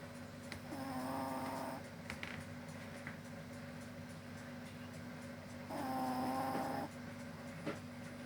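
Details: Snoring during sleep: two long, buzzing, tonal snores about five seconds apart over steady room hum; snoring.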